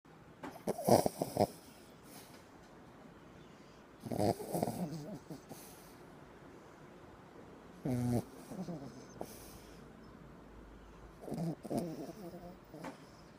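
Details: Wolverine snoring during sleep: rattling, snorting snores repeating about every three to four seconds, roughly 18 a minute.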